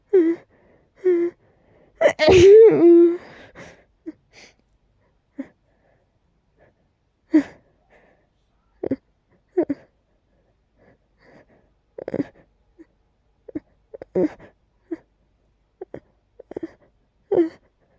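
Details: Stuck, irritating sneeze with eventual relief: repeated gasping breaths build toward one loud sneeze burst, then scattered short catches and sniffs; a stuck, incomplete sneeze.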